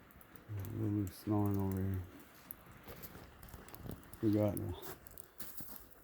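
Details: Sleepy resting miniature donkey snoring in a barn: low, droning, tonal snores in about three bursts over light rain pattering on a metal roof.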